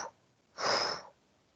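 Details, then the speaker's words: Vocal imitation of a mitral stenosis murmur from a calcified, stiff, narrowed mitral valve, as blood flows from left atrium to left ventricle: a single breathy whooshing hiss. "Entonces, cuando la sangre pasa del atrio al ventrículo, Si nosotros escuchamos con el estetoscopio en el corazón, vamos a escuchar el flujo. O sea, se va a escuchar así."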